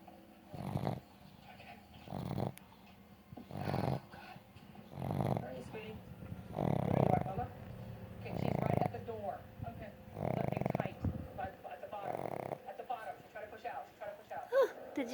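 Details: Pug snoring with eyes open: loud, rough snoring breaths about every one and a half seconds, with low background music and occasional speech.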